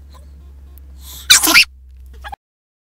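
An indrawn breath, then one loud explosive sneeze with a hissing burst of air, followed by a short trailing sound.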